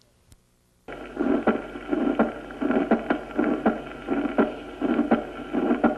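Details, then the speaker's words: Regular heart sounds about 82 per minute with a sharp, loud second sound at the aortic focus: accentuated aortic component of the second sound, as in arterial hypertension. "y se oye aumentado en la hipertensión arterial a nivel del foco aórtico escuchémoslo"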